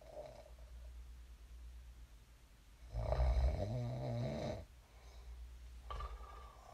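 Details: One loud, rough, low snore during sleep lasting under two seconds, with quieter breathing noise before and after; sleep snoring.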